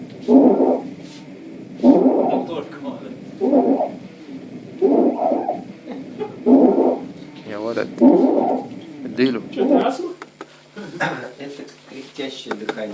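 A simulator produces short, low, voiced grunts with each breath, regularly at about 39 a minute, with some room noise and voices near the end. This is grunting respiration, an expiratory grunt against a partly closed glottis that signals respiratory distress.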